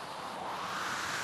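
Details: Mechanical ventilator of a patient with ALS on artificial ventilation through a tracheal opening for 20 years, its never-stopping sound running in the background throughout.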